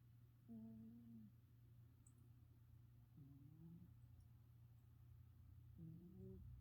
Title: My cat snoring